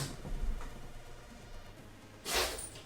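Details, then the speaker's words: Pet recently given another antibiotic injection at the vet after not taking its tablets, still eating, in a sneezing fit: a sharp, hissing sneeze after a quiet stretch of low room noise. "and now he's in his sneezing fit can you hear him you finished yeah"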